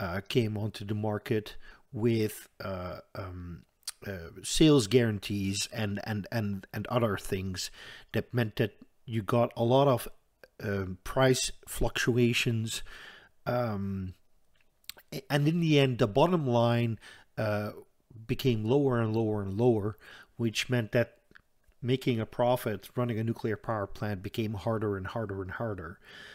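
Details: Stuttering in an adult man who says he stutters audibly all the time, with a stutter in which he hangs up between his words.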